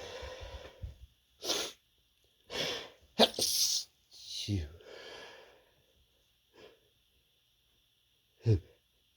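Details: Person with an itchy, tickly nose sneezing many times: about six short, muffled, held-back sneezes with quiet gaps between them; stifled sneezing.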